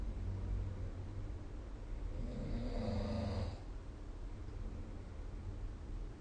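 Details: A single low, rattling snore during sleep, recorded with the SnoreLab smartphone app, over steady room noise.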